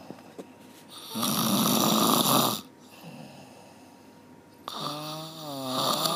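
Loud, rough, rattling snores on the breath in, separated by quieter breathing, with a steady hum in the room.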